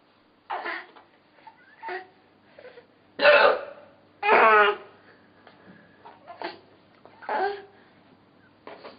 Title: Mommy's Hiccups Funniest Thing Ever!